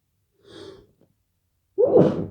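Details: A person with a cold, just woken up in the morning with a tickle in the nose, takes a quick inward gasp, pauses, then gives one forceful explosive sneeze.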